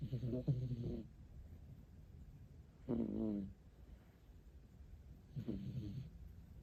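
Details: Rescued cat asleep: three throaty, vibrating snores with short gaps between; ordinary cat snoring.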